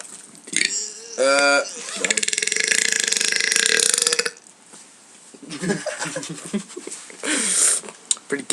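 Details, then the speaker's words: Person burping voluntarily on camera with a friend: a shorter belch followed by a long, loud, rattling belch, with talk afterward. "yo what's up dog me and I gonna make a little burp video here you know might might take it off first"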